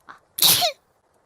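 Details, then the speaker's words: A streamer who felt a sneeze coming, self-described as a "kitten sneeze", her second of the day: a short inhale, then one small, high-pitched sneeze; an ordinary sneeze. "There it is, the kitten sneeze number 1. That was the second one today, actually."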